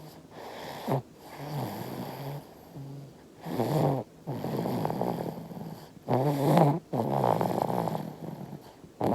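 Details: 5-month-old baby snoring in sleep, appearing to drink milk in a dream; repeated soft, rough snoring breaths, about 20 a minute, with quiet pauses.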